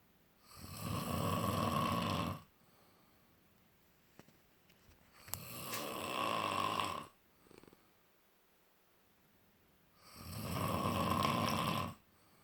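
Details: Three loud, rough snores on the in-breath, a few seconds apart, with quiet pauses between: ordinary snoring.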